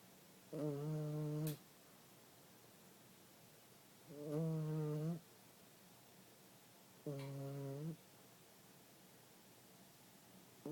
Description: My new puppy snores lol